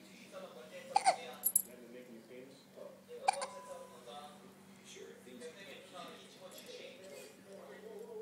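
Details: Baby hiccuping for a long while: two or three abrupt, short hiccups, with soft babbling, adult voices and a steady room hum behind.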